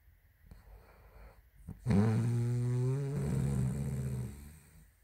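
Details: Snoring woman: a single long, rumbling, vibrating snore on a breath in, after quiet breathing.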